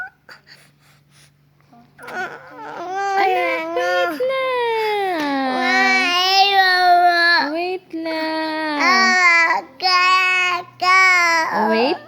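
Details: A young child crying in rising and falling wails broken by short breaths; an ordinary cry.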